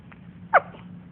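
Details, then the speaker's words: Newborn baby boy gives a single brief, squeaky hiccup in a quiet morning room with a low background hum; hiccups. "Got a little bit of hiccups there."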